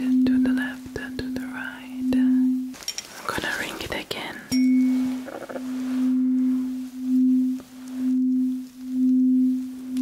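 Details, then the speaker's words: Tuning fork struck repeatedly during a simulated ASMR cranial nerve hearing exam: steady pure ringing tone that swells and fades, with soft handling noise; roleplay, not a real patient. "i'm going to be needing my tuning fork for this test so i'm ringing it okay can you hear"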